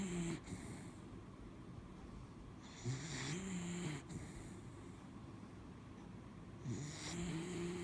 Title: Mishti snoring- part 3